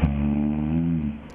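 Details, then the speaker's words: Soft palate snoring: a single low, rumbling, fluttering snore on an in-breath, from soft palate vibration. "Hocam bu yumuşak damak tarzı bir horlama yumuşak damaktan gelen doğrulama"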